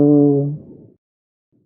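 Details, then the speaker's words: Egophony on a simulator: a muffled, nasal vowel heard twice through the chest wall over suspected consolidation, the spoken "E" sounding like a bleating "A". "When consolidation is present, the spoken "E" sound is audible as an "A" sound, similar to that produced by a bleating goat."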